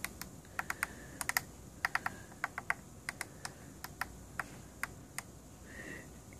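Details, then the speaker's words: Series of sharp, light button clicks over faint room hum while navigating the clinician settings menu of a ResMed S9 AutoSet auto-CPAP machine, changing pressures from default 4–20 to a prescribed 15 over 5. "so we'll click them settings to go into that and you scroll down to the high pressure we'll change that to"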